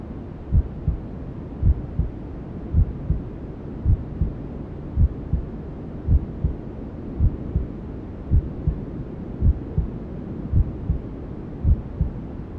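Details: Simulated newborn sleep-aid ASMR: steady low double thumps at about 54 a minute under a constant hiss, a mother's heartbeat and womb sounds as heard by the fetus; maternal heartbeat with white noise.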